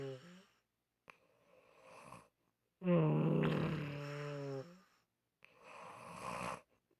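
Loud, buzzing, vibrating snores with a strong low drone, one prolonged and almost voiced, separated by silent pauses; unusual-sounding snoring.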